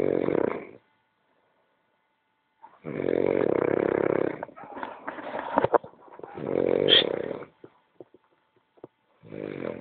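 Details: Small dog snoring while asleep: rough, buzzing snores with snorting bursts and brief pauses between breaths.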